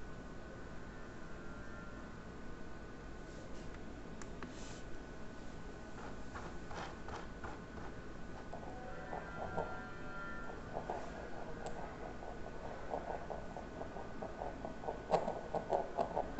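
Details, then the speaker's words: Normal fetal heartbeat on ultrasound at about 33 weeks' gestation: rapid, strong, vigorous, rhythmic whooshing pulses at 142 beats per minute. "es el corazón del bebé el corazón siempre se escucha bastante bien se escucha fuerte vigoroso rítmico yo sé más la frecuencia 142 pulsaciones por minuto"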